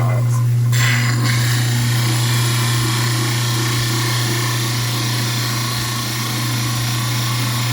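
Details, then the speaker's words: Steady low motor hum with grinding noise throughout: a model trimmer leveling a soaked mandibular dental stone study model that was skewed slightly off level. "so let's go ahead and place this on our grinder and let's start to get this levels"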